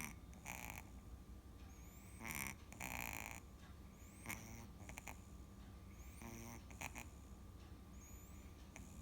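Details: Kitten in deep sleep snoring loudly: repeated short, rough snorting breaths, with faint high-pitched squeaks in the background.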